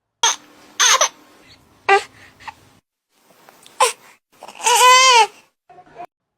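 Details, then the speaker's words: Infant cry in the Dunstan baby language, described for birth to three months: short, breathy fussing sounds and one brief voiced cry, the 'Eh' cry signalling a need to burp. "Number দুই হচ্ছে গিয়ে এ মানে হচ্ছে গিয়ে বাচ্চাকে বারপিং করাতে হবে মানে ঢেকুর তোলাতে হবে।"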